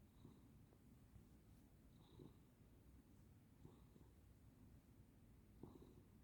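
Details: Very soft, rhythmic snuffling breaths, roughly 30 a minute, over low room noise: gentle snoring from a sleeping cat.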